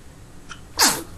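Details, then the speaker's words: A small catch of breath, then a single sharp, hissing sneeze from a sleepy, sneezy infant girl with a full belly; a normal infant sneeze. "Oh, please sneeze. There you go. Good job."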